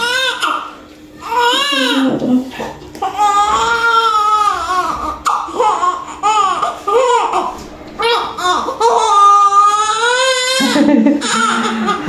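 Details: Newborn just after normal vaginal delivery, a small baby: strong, loud, repeated high-pitched wailing cries with faint adult voices in the room, a vigorous normal newborn cry.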